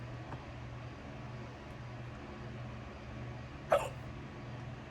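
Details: Hiccups after coming home from work: a single sharp, brief hiccup over steady low room hum.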